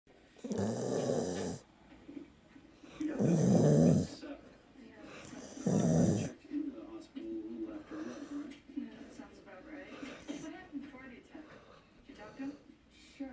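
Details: Snoring: three loud snoring breaths, then softer breathing noises with some background sound.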